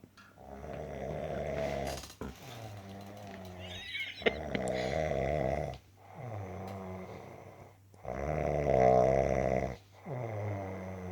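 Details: Loud, deep, rumbling snoring from a sleeping dog, continuous on both in-breath and out-breath, with noticeable bass; snoring.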